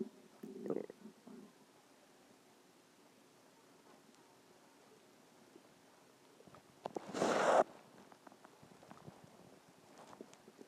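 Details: Stomach growling: a few brief gurgling rumbles, then a louder, longer gurgle against a quiet background, ordinary borborygmi from gas and fluid moving in the gut.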